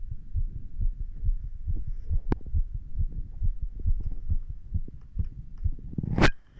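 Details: Standing normal heart sounds, heard as a fast, steady low thumping heartbeat around 130 a minute with rubbing and shuffling noise, recorded while standing and after a little exercise.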